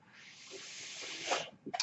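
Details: A steady rushing hiss of airflow builds for about a second and a half, then cuts off with small clicks: a mechanical ventilator breath.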